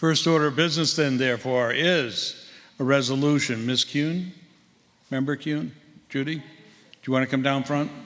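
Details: Adult man speaking; ordinary speech.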